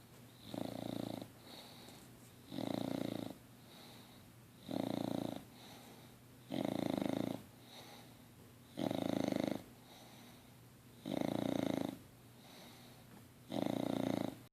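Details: Six-month-old English Bulldog snoring while asleep: regular rasping snores on each in-breath, about 29 a minute, with quiet exhalations between.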